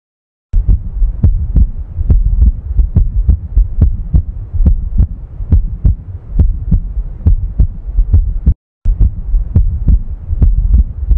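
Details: Steady low heart sounds at about 70 beats a minute with a low hum underneath.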